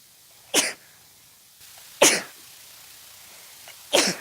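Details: Three sharp sneezes in quick succession, about one every one and a half seconds, starting suddenly with no known trigger: a brief sneezing fit.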